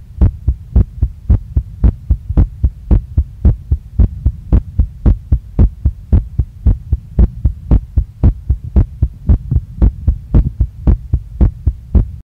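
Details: Female heartbeat after a workout, strongly pounding, felt in chest, neck, face and stomach, with visible chest movement; regular fast thumping about 113 a minute, sinus tachycardia after exercise.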